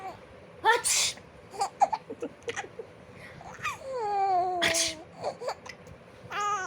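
Sharp sneeze bursts from an adult, each followed by a baby's laughter; ordinary sneezes.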